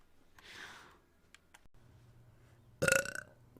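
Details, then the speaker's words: Female streamer who says she burps a lot: a short, sharp burp after a faint breath and a few clicks in a quiet room. "also for everyone who's new here I do burp a lot"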